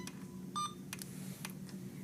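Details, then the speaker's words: Several short electronic keypress beeps over low room hum, routine feedback rather than an alarm, on an Alaris IV infusion pump. Beeps occur while confirming and starting a secondary infusion of 1 g medication set to run over 30 minutes. "once I've selected start it's going to tell me the rate is going to be the rate for my medication"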